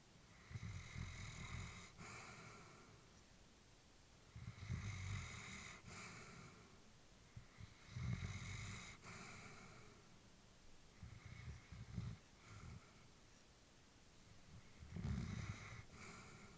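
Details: Elderly female Labrador sleeping calmly, with slow, rumbling snoring breaths and soft snorts, about 19 breaths a minute; snoring during sleep, recorded while the family was worried about her.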